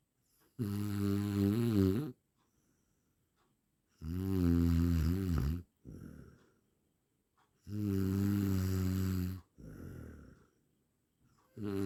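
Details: Loud, buzzing, rhythmic snores on the in-breath, each followed by a softer out-breath, about 17 breaths a minute; heavy snoring from an 8-minute sound-effect recording.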